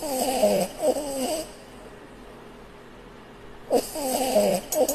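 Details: Sleeping puppy snoring: two drawn-out, squeaky, wavering breathing sounds separated by a quiet pause.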